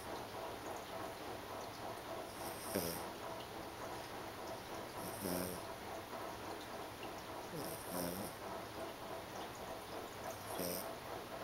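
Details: Four snoring breaths with a whistling, snorting quality, roughly 20 a minute, over a steady background hiss; snoring.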